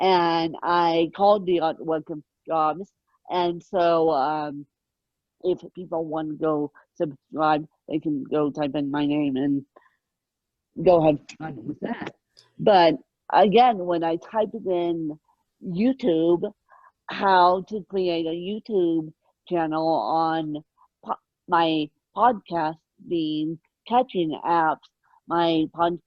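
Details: Ataxic dysarthria in an adult woman with moderate ataxic cerebral palsy present from birth, caused by lack of oxygen at birth, mid-spectrum severity; she needs 24-hour care.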